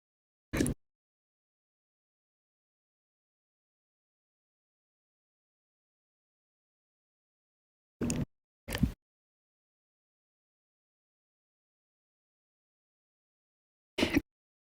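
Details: Chronic, slow hiccups: four short, abrupt hiccup sounds spaced several seconds apart in silence.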